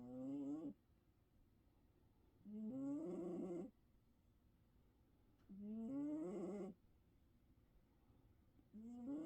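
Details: Regular rough, vibrating snores about every three seconds, roughly twenty a minute, with quiet pauses between; snoring during sleep.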